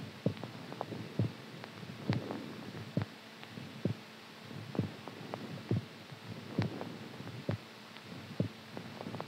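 Regular low thumps at about 68 beats a minute, with a faint hum behind them: a steady heartbeat.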